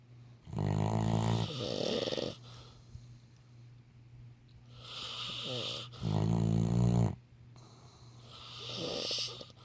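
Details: Sleeping Labrador dog snoring: loud, rattling, low snores in uneven bursts with quieter breathing between them.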